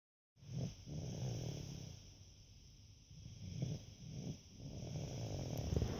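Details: Someone sleeping during a Saturday afternoon nap: rough, low, rattling snoring with snorting breaths, irregular and fairly continuous.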